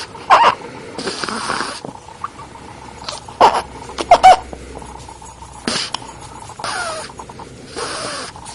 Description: snoring at 10 days old.